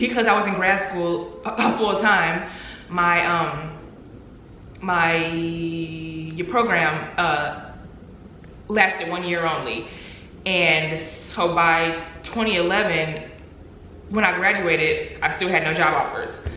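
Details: Adult woman who stutters; stuttering.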